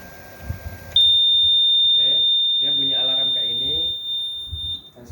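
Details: A steady high-pitched alarm tone sounds for about four seconds from an SLE 5000 ventilator while it is put on standby and switched off, with a man talking over it.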